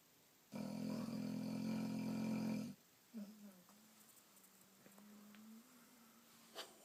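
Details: Boxer dog snoring: a long, loud, rattling snore on the in-breath, then a soft whining, groaning sound.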